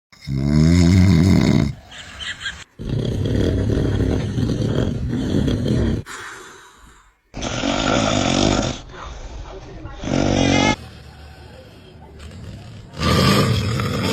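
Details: A father snoring heavily, with loud, deep, rumbling snores in long bursts and his baby's voice heard between them.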